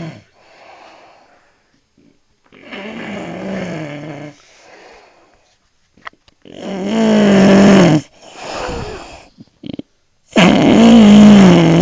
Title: snoring man